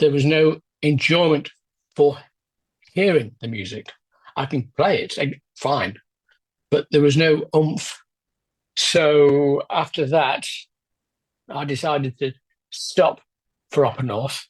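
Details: Adult man with aphasia after a left-hemisphere stroke 10 years ago, with word-finding problems and difficulty getting sounds out, feeling that his mouth and tongue won't work: aphasia.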